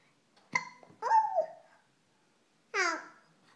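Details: Hiccups.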